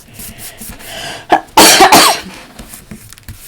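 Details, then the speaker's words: Adult with a lingering cough, past the productive stage, gives a short burst of dry, non-productive coughs amid light room and handling noise. "So, I am long past the productive cough and I'm just at the annoying hanging around forever cough."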